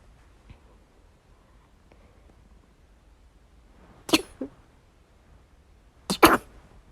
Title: morning sneeze fit